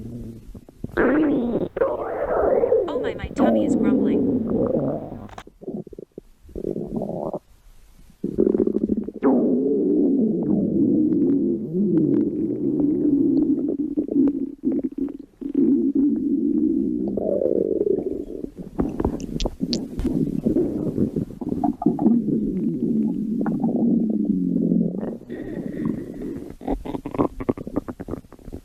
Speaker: Oh my, my tummy growling. I'm hungry.